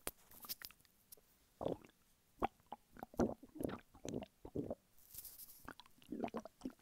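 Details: Hunger stomach rumbling from a man lying flat on his bed: irregular bursts of gurgling, bubbling and squelching separated by quiet pauses; borborygmi.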